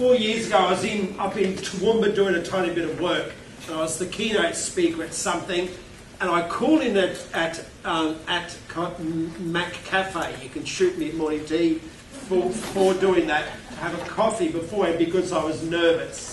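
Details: Stuttering in an adult male keynote speaker who states he has a stutter.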